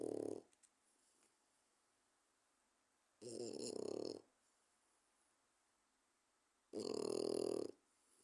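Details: Loud snoring from a 4-month-old French bulldog puppy, sounding like a human snorer: snoring.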